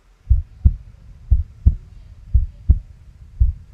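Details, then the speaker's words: Dramatized scene of a prenatal ultrasound: regular low whooshing paired thumps of the fetal heartbeat on Doppler; the doctor reports the baby looks normal so far. "Quel est ce bruit ? C'est le battement de cœur du bébé."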